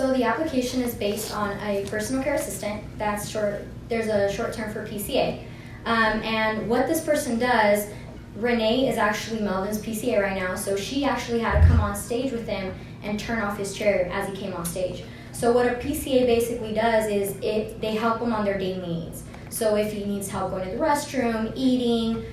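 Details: Adult woman speaking; normal speech.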